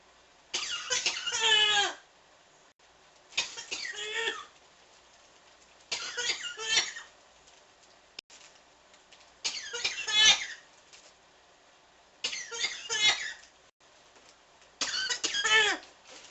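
Six bouts of harsh, clustered coughing every few seconds with brief pauses between; persistent repetitive cough.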